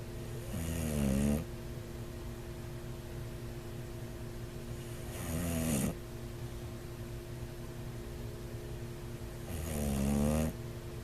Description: bulldog snoring could be a sign of Sleep Apnea